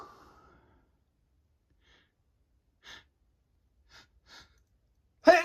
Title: Sneezes in December (m)